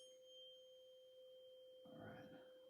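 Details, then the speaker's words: Weber hearing test: a tuning fork is struck and placed on top of the patient's head, giving a steady pure ringing tone, then a brief rustle. The patient heard it equally on both sides and felt the vibration. "but I'm going to hit the tuning fork um and I'm going to place it on the top of your head um and you're going to tell me whether or not you can hear it bilaterally or you hear it more on one side"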